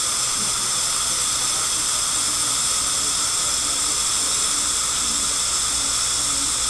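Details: Root canal on a crowned front tooth with a dead nerve and a large jaw-bone abscess, after local numbing: a steady high-pitched whine with hiss and water spray from a dental drill.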